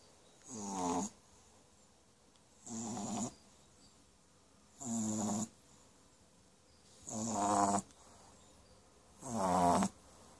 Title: French Bulldog puppy snoring